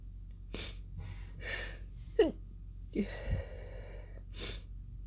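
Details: Sneezing fit, almost fully stifled until the end: a run of muffled, breathy bursts with squeaky catches between them, ending in a fuller, explosive hissing sneeze; stifled sneezes.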